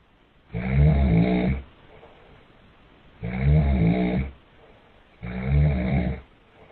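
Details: Adult man (dad) snoring near a baby: three loud, rumbling snores about two seconds apart, roughly 22 per minute, with quiet gaps; ordinary heavy snoring.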